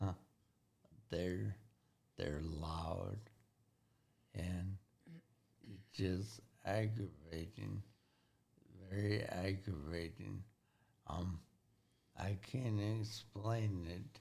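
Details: Halting speech in a 40-year-old man with severe traumatic brain injury from a car accident at 19, about 21 years earlier. The injury affected his thinking, processing time and speaking speed. He relearned to talk and has had speech therapy.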